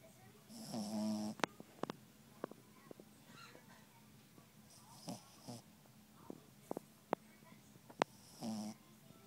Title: Snoring dog